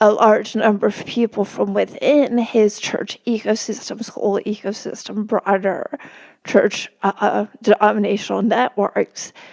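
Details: Woman with spasmodic dysphonia, which she notes can make her sound nervous though she is not, speaking as a podcast guest; spasmodic dysphonia.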